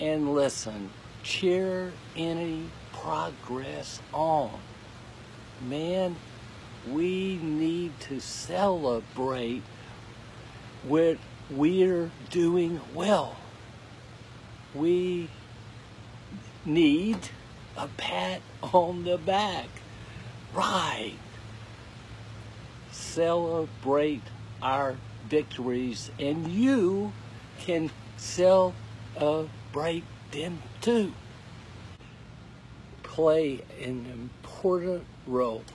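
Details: Adult male with aphasia who finds, orders and produces each word with great effort, and who could not talk at all eight weeks earlier: aphasia.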